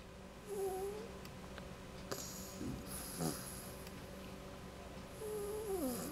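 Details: Snoring in a sleeping dog: quiet snuffling snores with a few whistly nasal sounds over steady room hum.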